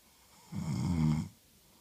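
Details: One deep, rumbling snore lasting under a second, with quiet around it, from an adult woman snoring while reading.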